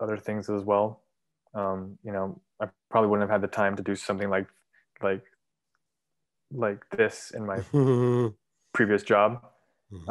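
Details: 23-year-old man, English and Urdu speaker, who has stuttered since about age three, when his parents noticed trouble getting words out; describes having emancipated himself from stuttering; stuttering.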